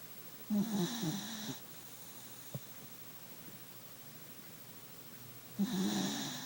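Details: Two rattling, buzzing snores about five seconds apart with quiet breathing between, from a sleeping Beagle puppy; snoring.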